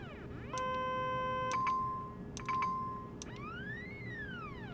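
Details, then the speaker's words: Neoprobe gamma detection probe system: a series of steady and sweeping electronic beeps and tones as the user holds mute and toggles through its four sound types with the background count button. "press and hold the mute button toggle through the four different types of sounds that the system uses with the background count button"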